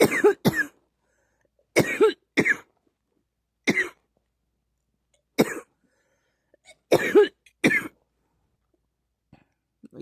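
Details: Repeated short, harsh cough bursts, mostly in pairs, about eight in ten seconds with quiet gaps between; a recurrent cough.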